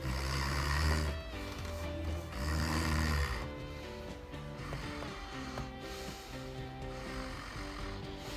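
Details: Snoring test during a sleep-medicine course, one step of a treatment protocol for patients who are candidates for a mandibular advancement device: snoring during adjustment of the device.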